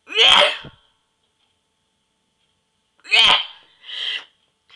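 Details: Self-induced sneezing using a "sneeze inducer": two sharp, hissy sneeze bursts about three seconds apart, the second followed by a softer trailing burst; ordinary sneezing.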